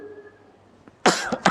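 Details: Adult man lecturing with a hoarse voice, who says he has been coughing lately, gives a loud, harsh cough burst and then a second, shorter cough in a quiet room.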